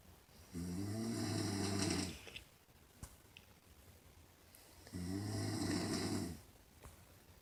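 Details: Mother who denies snoring: two long, deep, rattling inspiratory snores about four seconds apart, quiet breathing between; snoring.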